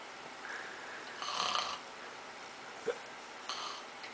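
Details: Rough, rasping breath noises with a brief snort in a quiet room; snoring.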